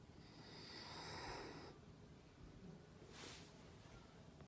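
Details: A sleeping dog that recently started snoring really loudly: a loud, rattling snort-like snore, then a second noisy breath.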